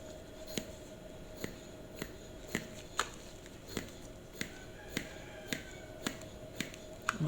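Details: Regular sharp clicks about every half second from the lever of a Medela Harmony single manual breast pump with 21 mm breast shield, in expression mode, with quiet room noise behind; manual breast pump operation.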